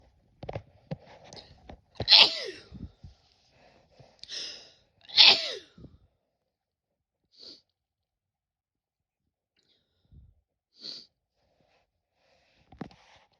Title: 2 sneezes (F)